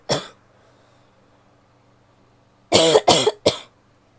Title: coughing (f)